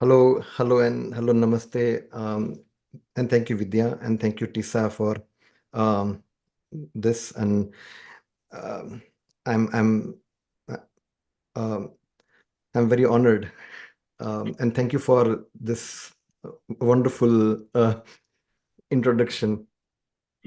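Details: Adult man, a person who stammers, says music has helped his stammering; word repetitions and fillers heard; stammering.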